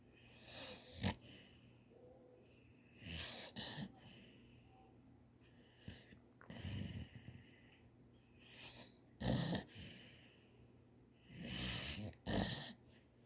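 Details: Irregular noisy snorts and snoring breaths, about 20 a minute, from a sleeping dog over quiet room noise; dog snoring with snorting.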